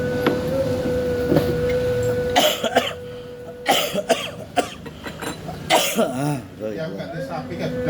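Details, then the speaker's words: Adult with a cold and a productive cough, trying a traditional herbal remedy: several harsh, wet, phlegmy coughing bursts. "Batuk batuk berdahak serio."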